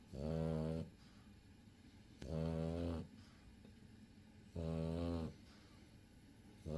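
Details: Pug snoring: loud, regular snores with a buzzing, nasal quality on each breath, about 27 a minute, with quiet pauses between.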